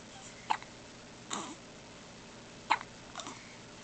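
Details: Four brief, sharp catches about a second apart over roughly four seconds from an infant boy, typical of baby hiccups.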